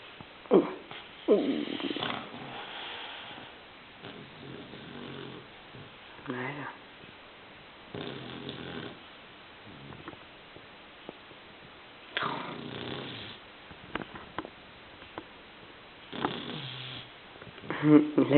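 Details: Small one (possibly a dog) snoring in sleep: soft, rough snoring noises recur every few seconds with quiet gaps, faint room noise in the background.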